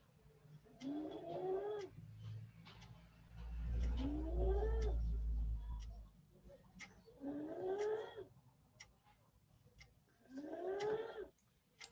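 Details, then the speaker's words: Patient with suspected multiple system atrophy: four high-pitched, strained, musical breath noises about every three seconds, laryngeal stridor occurring mainly at night but also heard during daytime consultation; laryngeal stridor. "Otro síntoma muy frecuente es este estridor laringio que sucede principalmente durante la noche."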